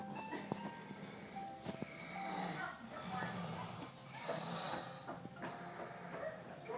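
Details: Daytime snoring in someone who passed out very tired: rough, rattling breath noises repeating over several seconds against background music and talk.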